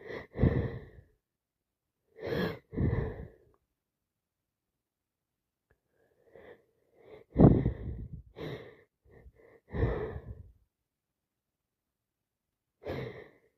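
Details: Run of about seven massive wet, explosive sneezes with quick in-breaths between, on day 4 of a cold, the worst day for sneezing and nose-blowing.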